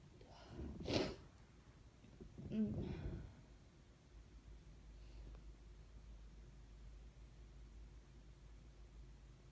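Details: Sneezes recorded on request: two noisy bursts of breath within a few seconds, fitting sneezes or a build-up to a sneeze, then quiet; sneezing.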